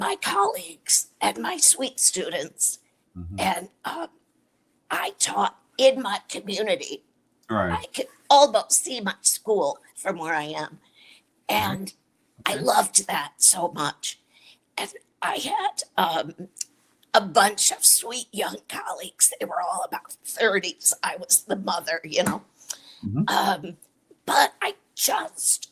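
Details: Dysphonia in an adult woman with a chronic voice disorder, treated with Botox injections to the vocal cords every three months.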